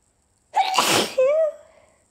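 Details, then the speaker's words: One partly stifled allergy sneeze during a persistent nasal tickle: a sharp burst of air followed by a drawn-out voiced release; sneezing. "Oh, it still itches. Phew. Phew. The tickle is just not going away. I think I have to let them out."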